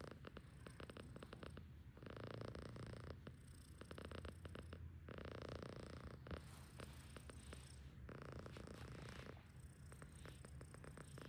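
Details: Himalayan cat sleeping: steady low rumble with noisy, raspy breaths about every three seconds, roughly 20 a minute; loud snoring.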